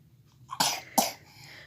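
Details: Young child coughing while about to eat grapes: two short, sharp coughs in quick succession in a quiet room.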